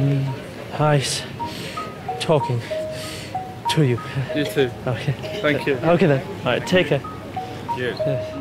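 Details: Severe overt stammer (stuttering) in a 17-year-old male, present since an asthma attack at age four; his coach calls it one of the most severe overt stammers he has encountered.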